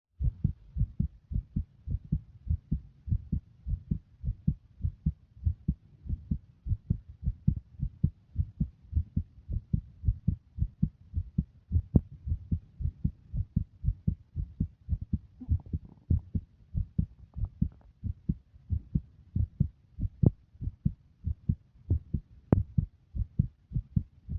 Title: Visible heartbeat with sound